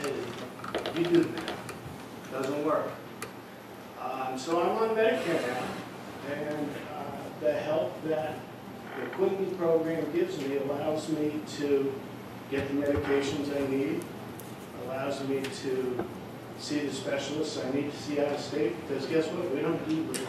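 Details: Adult speaker; ordinary speech.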